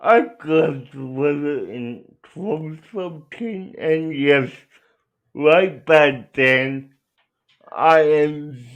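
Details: Adult male speaker; dysarthria (cerebral palsy).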